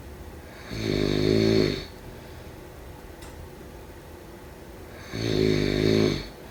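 Two loud, droning, buzzing snores about four seconds apart with quiet breathing between them; snoring.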